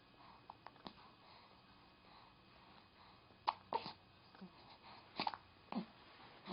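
Quiet room with about four short, abrupt catches of breath at irregular intervals; hiccups, sudden involuntary spasms of the breathing muscle.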